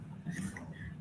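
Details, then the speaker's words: Stertor imitated by an ENT specialist explaining noisy breathing in children: a low-pitched, snort-like sound like a blocked nose, produced at the back of the nose or throat, indicating obstruction at the nose or throat. "Dia macam bunyi yang kita hasil masa hidung kita tersumbat atau sesama. Jadi bunyi ni kita panggil sebagai stertor."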